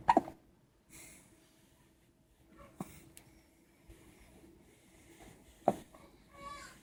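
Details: Hiccups: faint, sharp hiccup clicks about every three seconds, roughly 20 per minute, over quiet room noise.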